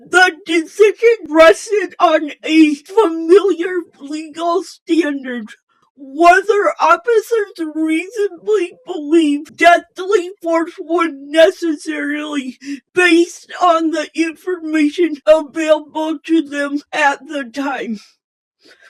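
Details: Speech impairment in an adult female channel host, described as possibly hard to understand at first.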